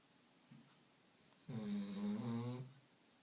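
One drawn-out, buzzing, slightly whistling snore after a faint earlier breath, in a quiet room: a dog snoring in sleep.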